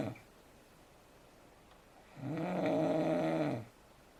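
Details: Adult asleep in bed, with one long, low, droning snore on the breath over quiet room noise; bed partner sometimes moves to another room: snoring.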